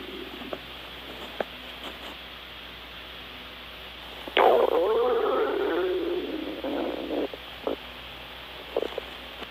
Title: stomach growl when breakfast rumbling sound